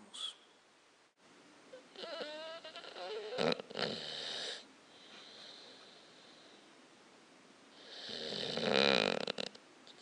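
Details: Adopted American Bulldog curled up on a chair: loud, rasping snore bursts with a faint whistling tone on breathing, heavy snoring with a slight wheeze.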